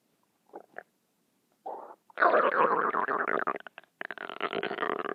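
Gurgling, bubbling rumbles come in short bursts, then run together into long rolling growls with brief pauses: active bowel sounds, or borborygmi.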